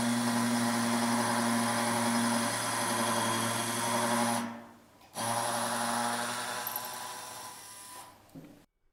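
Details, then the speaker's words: Pilot drilling with a 2.0 mm pilot drill (white ring, short drills) at max 800 rpm for a 4.5 mm Medentika Microcone implant in the third quadrant: steady high motor whine, briefly stopping and restarting. "the pilot drill 2.0 millimeters white ring is used for initial drilling the sagittal direction of the implant axis must be observed a maximum motor speed of 800 revolutions per minute should not be exceeded"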